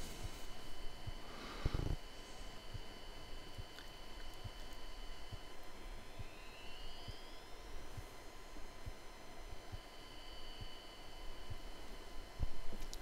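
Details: Modulated tinnitus simulation from a tinnitus-matching device (Tinnometer) demonstrated for audiologists: steady high-pitched tones with a faint rising sweep and soft room clicks, and very slow, barely audible modulation.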